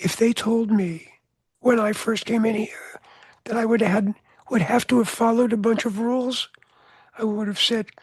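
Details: Adult man with voice change after throat cancer treated with surgery, radiation and two years of experimental chemotherapy; voice change after throat cancer treatment.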